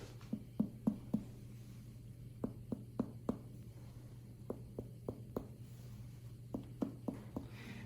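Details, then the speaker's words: Abdominal percussion during a gastrointestinal physical exam on a woman without pain, starting in the right upper quadrant: four groups of four sharp finger taps, one per quadrant; dull over the liver, more hollow over other viscera. "ideally in the right upper quadrant where the liver is you should hear a more dull sound but in the other areas where you have more hollow viscous type organs"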